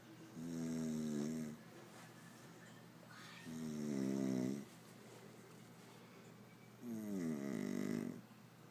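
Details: Man snoring: three loud, rattling snores on inhaled breaths, about every three seconds, with quiet pauses between them, over low room hum.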